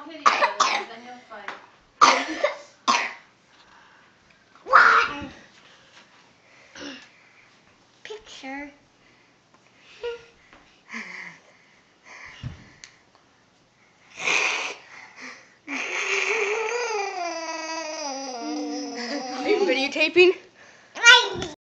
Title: Argh nasty cough